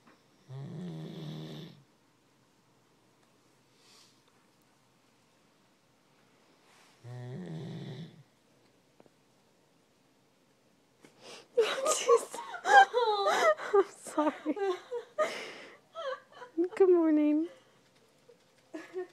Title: Snoring Doberman